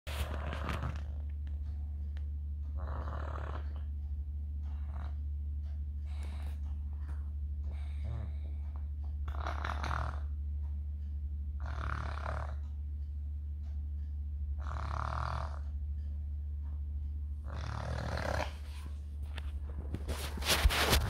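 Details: A sleeping toddler with a cold snoring: regular rasping snores about every 2.5 seconds over a steady low hum.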